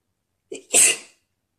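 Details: Deliberate sneeze made on request, trying to sneeze "girlier": a short indrawn breath, then one sharp, hissing sneeze; sneezing.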